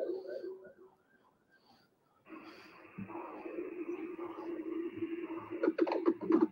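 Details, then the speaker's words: Transcranial Doppler in an ischemic stroke patient with a somewhat lax septum: soft pulsing flow whoosh, then sharp chirping clicks (bubble HITS) after agitated saline, marking a right-to-left intracardiac shunt with cerebral embolization. "Pero ese no es el sonido normal de un Doppler. Eso significa que todo el flujo está pasando del lado derecho al lado izquierdo y está embolizando a nivel cerebral."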